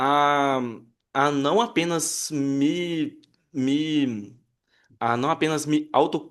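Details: Adult Brazilian Portuguese-speaking man who identifies himself as a person who stutters, in a real interview: stuttering.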